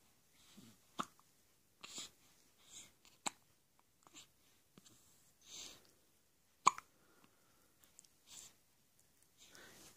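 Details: One-week-old baby in a quiet room with soft breathy sounds and several brief sharp catches, a few louder ones standing out; hiccups.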